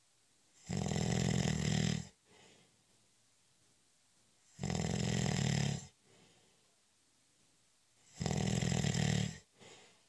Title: 20 Minute Snoring Audio In Honor of National Nap Day- It's a cat nap!